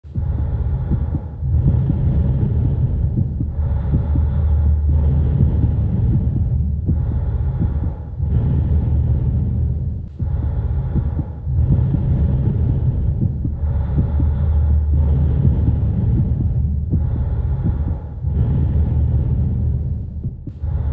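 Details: Heart and lung sounds: deep muffled heartbeat thumps under a steady rumble of rhythmic breathing, from a sound-effect recording.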